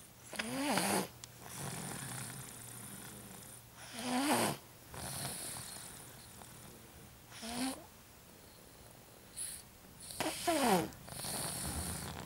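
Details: A sleeping person, after a tough day of shopping, playing, tantrums and food, snores: repeated rasping breaths with high whistling edges, about four breaths in twelve seconds.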